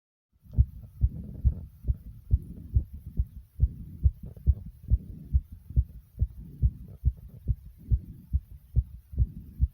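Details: Person's heart after jumping jacks, with heavy breathing: fast, strong, regular heartbeat at about 140 beats a minute, a normal quickened rhythm after exercise.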